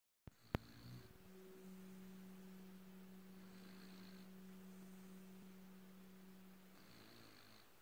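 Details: Sleeping beagle: a long, steady, low humming snore lasting several seconds, with soft breathing sounds around it; snoring.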